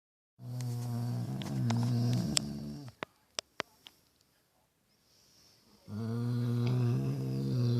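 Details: Pitbull dog snoring at 5:25 am after a rough day: two long, loud, low rattling snores with a quiet pause and a few clicks between them; ordinary snoring.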